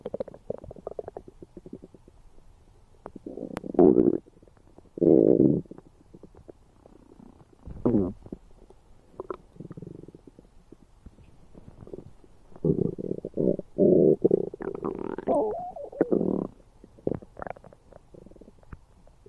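Loud gurgling and rumbling bursts from the belly, coming in irregular runs with quiet gaps; ordinary bowel sounds.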